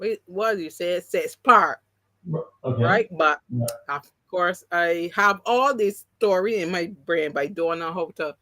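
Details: Adult woman with three strokes (2017, 2018, 2019); the first, haemorrhagic, took her speech and paralysed her right side; she relearned to talk, though some words will never return: post-stroke aphasia, partially recovered.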